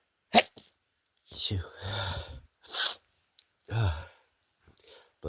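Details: Several short, held-back sneezes, a sharp one early and others muffled, with breaths and brief speech as the person struggles to stifle strong sneezes and mentions itchiness: stifled sneezing.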